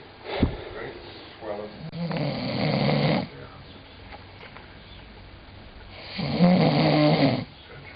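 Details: Very tired person sleeping, recorded by a younger brother: two rough, rumbling snores separated by a quiet pause, with a low room hum; ordinary snoring.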